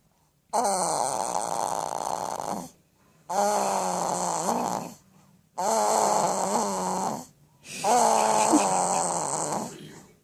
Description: My Son snoring as a newborn :)